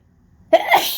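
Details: One sharp explosive sneeze after brief quiet, part of a long out-of-control sneezing fit recorded in an office on a windy day, with pollen blamed; one sneeze in a repeated fit.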